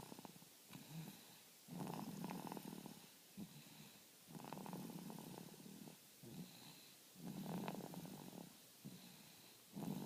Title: Guess who's snoring?